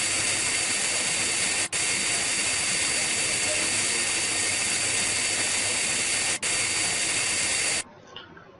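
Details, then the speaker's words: Dental handpiece with upright fissure bur, steady high-pitched hissing whine about eight seconds with two brief breaks, cutting the 1.5–2 mm deep outline of a Class I amalgam cavity in a lower first molar. "no tilting is done during this space of cutting the bar should be upright or perpendicular to the fusel play"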